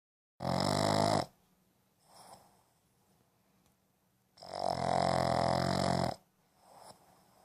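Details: Two-year-old rescued female Boston terrier sleeping with eyes open: loud buzzing snores on each breath in, soft breaths out, about 15 breaths a minute; snoring.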